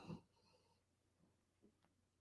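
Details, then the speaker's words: One loud, low snorting snore from a dog named Jack sleeping behind the speaker, followed by faint, quiet breathing in a still room. "jack's the back here snoring did y'all hear that sometimes he gets wound up really really good back here"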